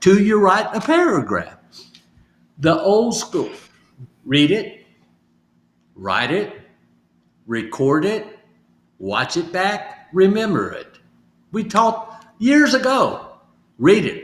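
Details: Adult male stroke survivor with aphasia, in recovery, practising phrases from sticky notes as home therapy. Finding: aphasia.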